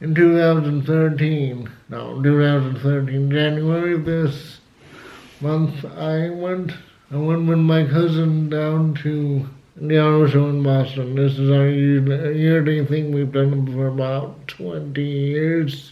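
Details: Adult man with cerebral palsy who had to learn to talk, also has asthma and says flu almost killed him; dysarthria due to cerebral palsy.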